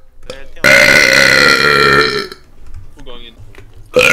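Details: Person belching repeatedly while gaming, 29 times in two minutes: a long, loud, voiced belch of nearly two seconds, then shorter throaty sounds and the start of another belch.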